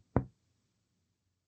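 A single hollow, low-pitched tap from percussing the chest wall, dying away quickly: the resonant note of normal lung.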